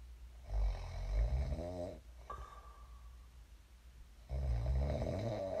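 Low, rough rattling snores on breathing in, with a quiet pause between them: ordinary snoring during sleep.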